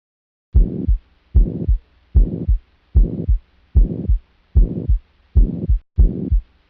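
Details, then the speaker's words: Heartbeats at about 66–75 a minute, irregular with atrial fibrillation, in a man; normal S1 and S2 with a low blowing pansystolic murmur loudest at the apex, radiating to the axilla, no thrill, not in heart failure: mitral regurgitation. "On auscultation, the patient had a normal first and second heart sound, and there was a pansystolic murmur, mainly louder on the apex area, radiating to the axilla."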